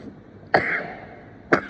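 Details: Adult sneezing: a sudden loud explosive burst, shotgun-like, with a brief voiced tail, then a second sharp burst a second later.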